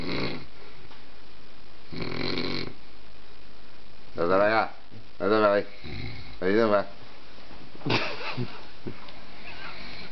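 Repeated short, throaty, fluttering snores with rattly tone over steady background hum; dog snoring.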